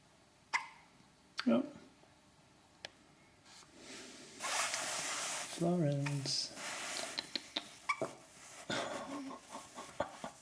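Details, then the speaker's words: Baby girl, feeding on her mother's milk and prone to hiccups before birth: several brief, sharp, jerky catches at irregular intervals with an adult speaking softly; hiccups. "You got the hiccups? Have you? So your mum's milk this day now. So, you used to get the hiccups a lot when you were inside."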